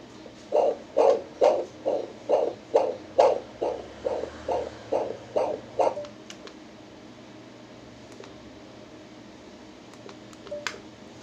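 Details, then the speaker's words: Fetal heartbeat on ultrasound, baby head-down, no major abnormalities seen: rapid, regular whooshing beats about 136 a minute, then quiet; normal. "tapos yung body ayan yung heartbeat"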